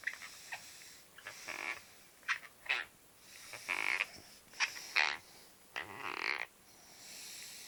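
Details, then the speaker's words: Adult man asleep produces irregular bursts of harsh, gritty scraping and crunching, described as blackboard-like teeth grinding; he also talks in his sleep; sleep bruxism. "I think going to start jaring again in a minute he'll crunch his teeth get it in the most Blackboard type of way"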